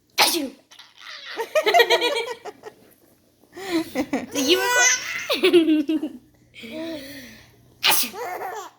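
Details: A sneeze followed by laughter.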